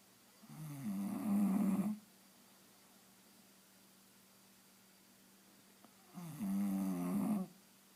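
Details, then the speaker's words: Sleeping bulldog snoring: two droning, fluttering snores separated by a long quiet pause; the owner remarks that the dog is snoring while awake. "Cena. Cena. Why are you snoring? You're awake. Cena."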